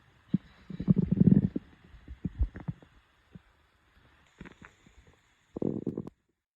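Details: Hungry stomach growling: low gurgling, rumbling bursts from the belly with short pops and pauses; ordinary borborygmi.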